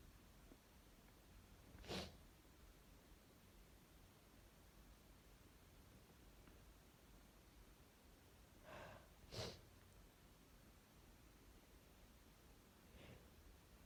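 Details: Person sick and miserable for the past 3 days: faint, muffled sneezes against steady room hiss, including a quick pair of sneezes.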